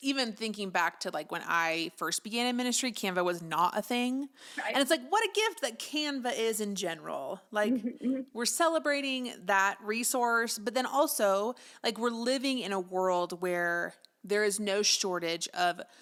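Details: Adult woman speaking; ordinary speech.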